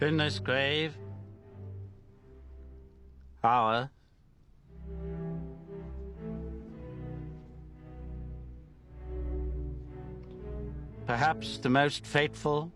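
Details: Acted stammer: actor portraying King George VI delivering a wartime radio broadcast in a film, with long pauses and blocks between words; stuttering (acted).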